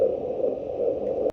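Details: Rapid, rhythmic whooshing pulses through static hiss from a Doppler at a 24 weeks 3 days midwife appointment: a fast fetal heartbeat.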